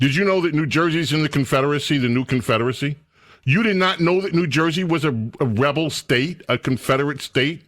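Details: Adult male speaker; Normal speech.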